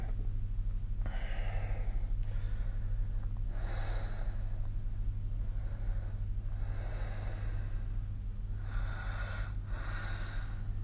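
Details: Snoring recorded with the SnoreLab app: noisy, rasping sleep breaths with snort-like bursts every few seconds over a steady low background hum; snoring.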